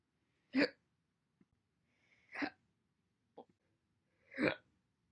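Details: Three sharp, separate hiccups about two seconds apart in a quiet room, each with a brief voiced catch; from a compilation recorded January–April 2021.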